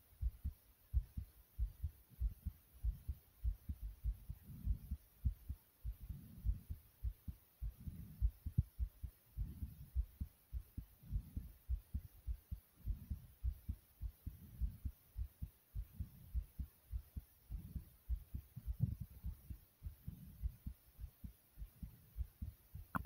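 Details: Self-recorded adult heartbeat, with the stomach growling partway through the recording: steady, repeating low thumps recorded close to the body; heartbeat.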